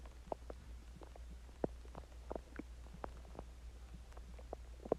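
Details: Stomach growling (borborygmi) after eating Chinese food and drinking water: soft scattered gurgles and pops over a steady low hum.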